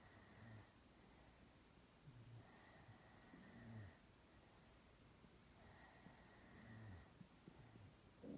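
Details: A girl sleeping soundly, snoring softly and rhythmically, with about three rattling snores in eight seconds and breathy out-breaths between them.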